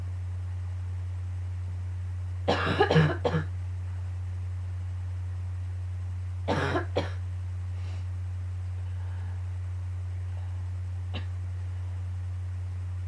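Two quick bursts of several harsh coughs each over a steady low hum; a morning coughing fit.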